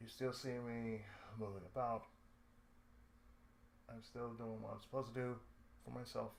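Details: Adult male with cerebral palsy, lifelong, with speech problems since childhood; he reports an occasional lisp, breaks where he cuts himself off mid-sentence, pauses, and a drawl he calls sudden and sleepy; dysarthric speech in cerebral palsy.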